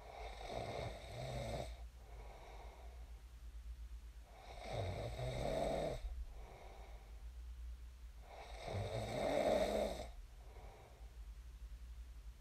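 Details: Real recording of a person snoring in their sleep, shared as snoring ASMR: rough, rattling snores on each in-breath, about 15 a minute, quiet gaps between, steady room hum behind.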